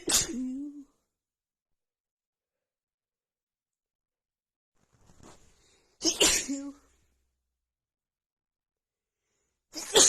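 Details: Female with a head cold and blocked nose, after sniffing a tiny bit of black pepper, has a sneezing fit: three sharp sneezes in about ten seconds, each with a brief voiced catch, separated by quiet.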